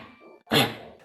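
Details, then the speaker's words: Dog with tracheal collapse (weakened tracheal cartilage rings, common in small and toy breeds): one loud, harsh, goose-honk cough from tracheal irritation; chronic cough. "this can cause the trachea to collapse on itself that leads to tractal irritation and a chronic cough that almost sounds like a goose honk"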